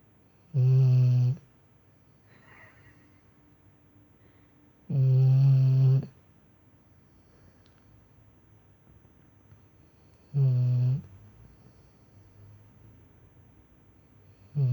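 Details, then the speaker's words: A sleeping female dog snores with low, rumbling sounds on each breath, about 13 a minute, spaced by quiet pauses in a small room: snoring. "Acordou? Tá roncando, filho da mãe, tá roncando."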